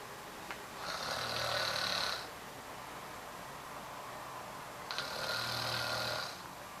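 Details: Loud snoring during sleep: two long, raspy, hissing snores about four seconds apart, with quiet room noise between breaths.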